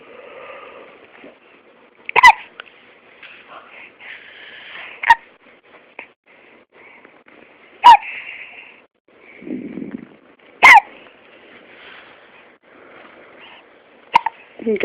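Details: Infant with hiccups: five brief, sudden hiccup sounds a few seconds apart over quiet room noise, with soft fussing between them.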